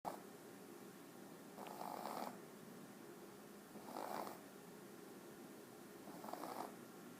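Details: Jack Russell puppy with upper airway inspiratory stridor: rhythmic snoring-like noise from nose or throat with each inhalation, only while asleep; no problems when awake, running or playing; cause not stated.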